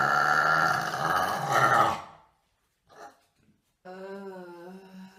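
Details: Burping: a long, rumbling, voiced burp lasting about two seconds, then a pause and a short hummed voice sound.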